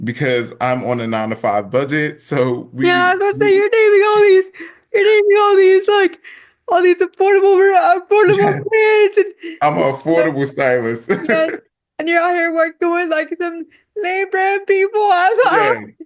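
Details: Woman with quadriplegic cerebral palsy affecting her whole body, including her speech; dysarthria (cerebral palsy).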